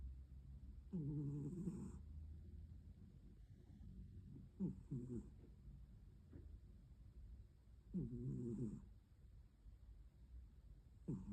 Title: Her gentle snores are rudely interrupted